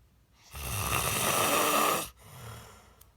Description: So I decided to record my husband every time he is snoring and disturbing the peaceful atmosphere at night.